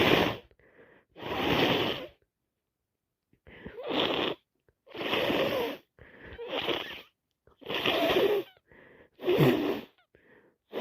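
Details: Rapid run of loud, wet sneezes, about six in ten seconds, with sniffs and in-breaths between; repeated sneezing on day 3 of a common cold caught from a cousin.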